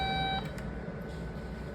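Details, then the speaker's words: Electrosurgical unit lab test in coagulation mode at setting 40, ham on a gel-coated plate, reading 436 mA, 38 W, 923 V, crest factor 7.9: steady high electronic activation tone stopping abruptly over room hum. "Bueno ahora vamos a probar coagulación ya le pusimos en 40 en valor de frecuencia"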